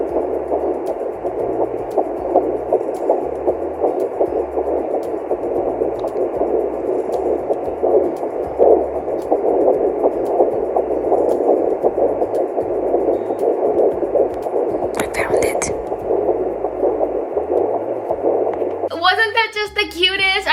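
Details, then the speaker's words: Fetal heartbeat at 10 weeks of pregnancy, found at home with a Doppler: fast, rhythmic whooshing pulses through a steady Doppler hum. "Like, it is pretty hard to find the heartbeat this early, and it's like literally like the heartbeat's like boom, boom, boom, boom, boom, boom, boom, boom, boom. So you kind of know when you find it."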